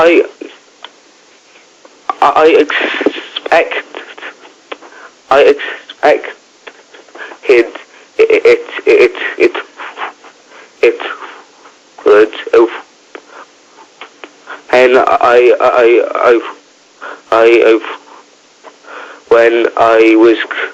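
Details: 15-year-old boy who stammers, heard with repetitions and blocks; can sing without stammering; stuttering (stammer).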